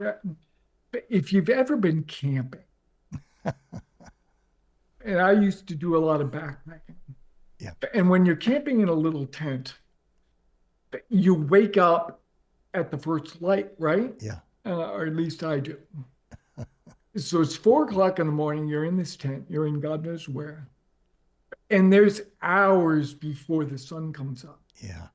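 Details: Adult man with late-stage ALS, diagnosed 4.5 years ago, paralyzed from the mid-throat down. He speaks using a ventilator to inflate his lungs and has difficulty speaking and breathing. Dysarthria in amyotrophic lateral sclerosis.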